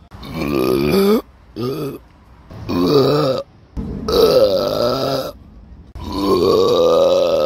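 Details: Five loud, prolonged belches in a row, deep and rumbling with rising pitch at the ends, in a quiet room, recorded on a Samsung Galaxy S9 phone; repeated burping.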